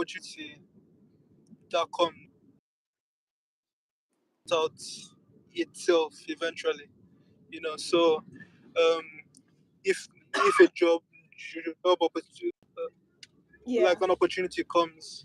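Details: Adult speaker; stuttering.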